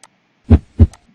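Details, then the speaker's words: Two low thuds, lub then dub, with faint clicks around them; normal first and second heart sounds from valve closure, played in a biology lesson on the heart. "okay okay sound is produced by closing of valve okay in the heart okay by closing a valve in the heart okay"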